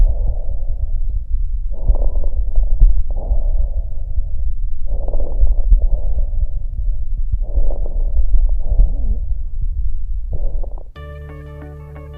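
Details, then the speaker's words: Crackles heard on chest auscultation: brief explosive sounds as airway segments suddenly open and pressures equalise, a term covering the old crepitations, crackling and fine rales. "Se originan al comunicarse bruscamente diferentes segmentos de la vía aérea y así se igualan las presiones y el gas se expande explosivamente, generando las crepitaciones."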